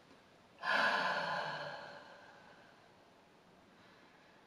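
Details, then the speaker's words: Demonstration of the Active Cycle of Breathing Technique: a long, quiet, breathy low huff lasting about two seconds and fading, meant to move mucus from the smaller peripheral airways at the lung bases, with a faint static-like mucus crackle. "you might need to do a low long huff and that will move the mucus in the smaller peripheral airways down in the bases of your lungs"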